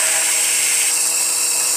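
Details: Steady high-pitched whirring hiss of a surgical power drill boring through bone for a plate screw during minimally invasive plate osteosynthesis (MIPO) of a distal fibula fracture.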